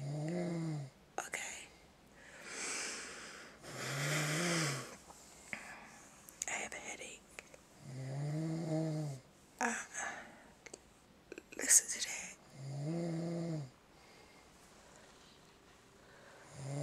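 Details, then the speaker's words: Adult man asleep in bed, snoring loudly "like a wild boar"; loud, low, rattling snores on each in-breath at about fifteen breaths a minute, with softer exhalations between. "He sound like a wild boar. A wild boar. This is the stuff I have to go through at night."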